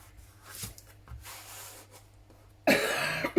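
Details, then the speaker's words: Adult woman with a lingering dreadful cough gives a sudden loud, harsh cough burst amid quiet handling noises while crafting; a cough. "Excuse me, as you can hear, I've still got this dreadful cough."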